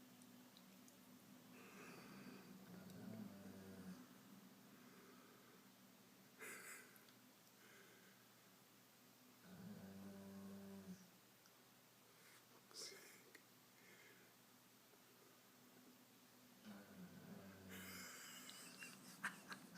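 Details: Snoring during sleep: low rumbling snores with snorting breaths, a few spaced noisy breathing cycles in a quiet room.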